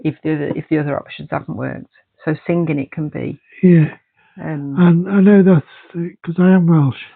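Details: Adult speaker, likely with a brief second voice; typical speech.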